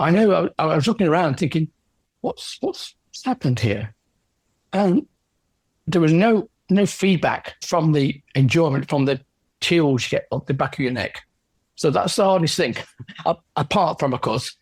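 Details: Aphasia in an adult male orchestral percussionist, 10 years after a stroke caused by a left middle cerebral artery blockage.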